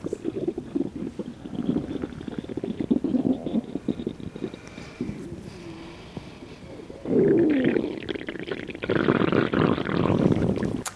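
Irregular low bubbling and gurgling rumbles, swelling louder in the second half: ordinary stomach gurgling from liquid moving through the gut.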